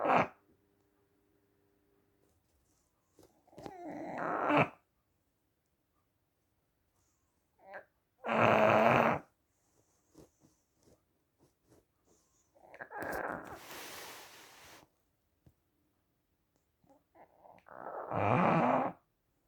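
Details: Sleeping dog snoring in loud, rough bursts at about 14 breaths a minute with quiet gaps between; snoring.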